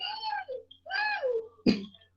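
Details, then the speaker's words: Imitated wheezy, whistling breaths followed by one sharp dry cough, demonstrated by a teacher describing airway narrowing with chest tightness, shortness of breath and a dry cough that varies through the day and worsens at night. "então ele faz esse chiado inclusive quando a pessoa tá tossindo também que a pessoa acaba de tossir e e faz assim se barulho"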